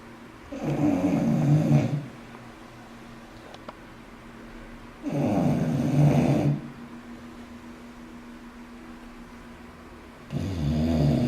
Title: english bulldog Jamie's snoring-taiwan